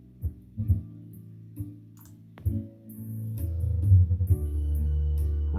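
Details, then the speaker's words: Soft music through a simulation of bilateral moderate-to-severe sensorineural hearing loss from otosclerosis, switching between right and left ears. Only a murmur of music comes through, and the left side loses more instruments and clarity than the right. "for the left side A lot quieter than the right and especially the clarity the clarity is a lot more impacted on the left than it is on the right"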